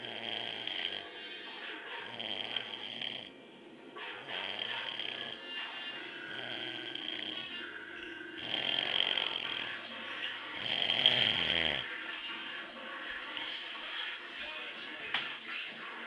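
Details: Adult father snoring in sleep: steady rasping, rattling snores with each breath, under loud background music; snoring.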